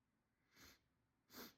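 A short sharp inward sniff followed by a louder explosive burst of air through the nose and mouth, a single sneeze.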